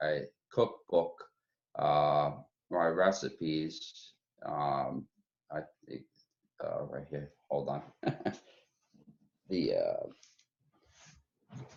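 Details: Real adult member of an aphasia support group, speaking in an online group session; aphasia.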